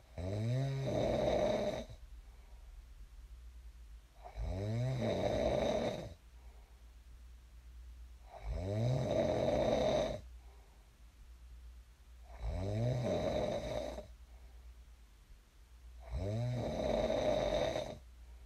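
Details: Loud, rattling snores on each breath in, about 15 breaths a minute, with quiet exhalations between, from a sleeping person recorded for a snoring ASMR clip; snoring.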